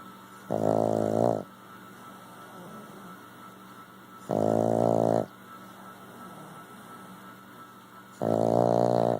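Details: Three loud, rumbling, voiced snores at regular intervals, each about a second long, with quiet breathing between against low room hum; snoring.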